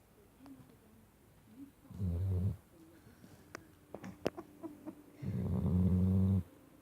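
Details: Sleeping Shar Pei dog: two loud, low, rattling snores about a second each, separated by quieter breathing and faint room noise; snoring.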